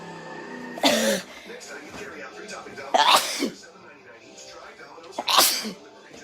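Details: Sneezing from a person who says they are allergic to a cat: three forceful sneezes, each a sharp explosive burst, over light background music.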